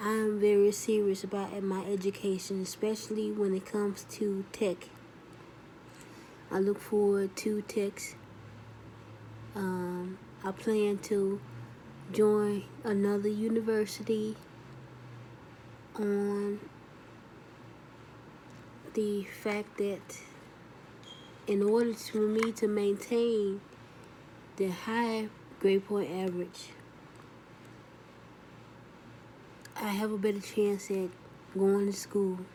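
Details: Adult woman after a second stroke, with left arm paralysis; speech still healing, with delayed word-finding, frequent pauses and 'you'/'I' confusion; post-stroke aphasia (dysphasia).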